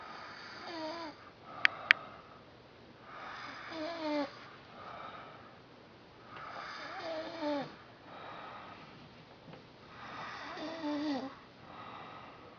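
Four rasping snores spaced about three seconds apart, roughly 20 breaths a minute, with two sharp clicks early on; quiet room.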